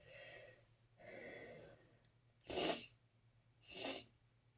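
Two quick breathy in-breaths followed by two sharp sneezes in rapid succession, about four seconds in all; allergy sneezing.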